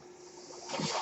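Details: The speaker's own mechanical ventilator, heard during podcast speech: a soft steady hiss swelling into a louder airy rush as it delivers a breath.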